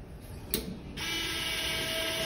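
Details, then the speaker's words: Brief click, then a steady high whine of a surgical drill running with the guide for a ConMed Linvatec 2.1 mm all-suture one-step anchor for labral repair, demonstrated in the operating room. "this just pops into the drill there we go spin it it works here's the guy notice the anchors on the drill"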